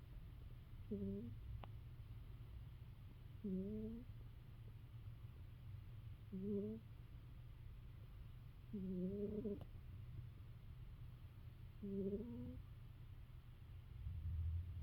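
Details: Female cat sleeping: five soft, squeaky, whistling snores at about 23 a minute. She snores often, sometimes louder, and it doesn't always sound the same; harmless snoring.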